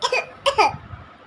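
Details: Child playfully acting two short, forced coughs, simulated rather than a real illness cough; cough.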